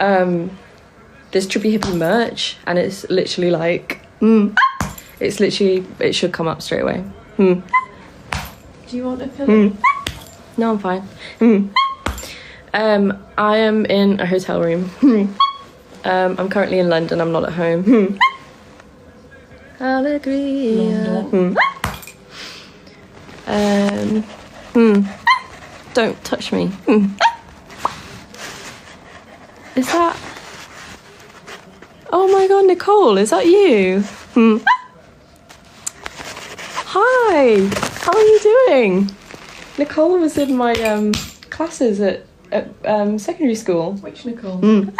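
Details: Vocal tics in a person with Tourette syndrome, making tic noises while awake during a live stream; also reports twitching a lot and grinding teeth during sleep.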